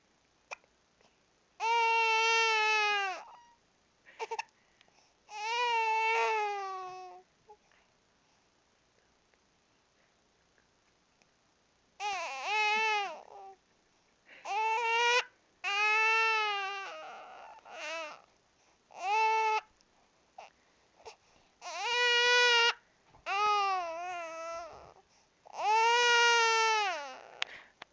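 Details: Infant crying because of hiccups: short, high-pitched cries broken by brief hiccup catches.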